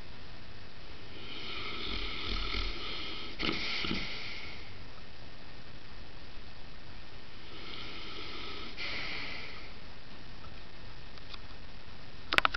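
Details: Saint Bernard dog sleeping and snoring while resting on the stairs: two soft snorting snores about five seconds apart over steady room hiss.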